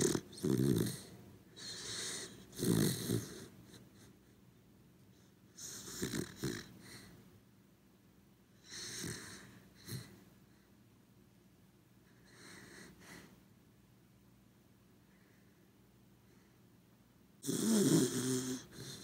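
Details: Corgi dog sleeping and snoring: soft, rough, irregular and fairly quiet snoring breaths with some snorty, whistly inhalations. Ordinary sleep snoring recorded as ASMR.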